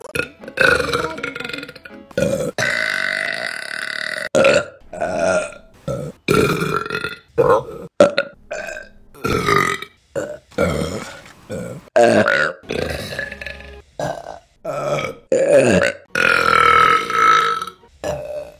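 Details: Burping compilation: a rapid series of loud, drawn-out and short burps, one after another with brief gaps between them.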